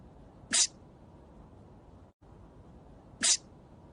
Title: Emil von Selle from Legend of the Galactic Heroes Sneezing for 1 Minute and 15 Seconds